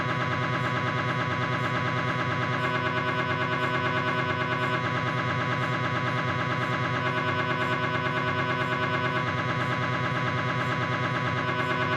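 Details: Loud, steady, rapid rhythmic buzzing and knocking, about three pulses a second, from a Philips 1.5T MRI scanner during a knee examination; MRI gradient noise.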